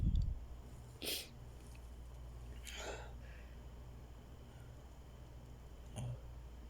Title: Just can't stop sneezing!!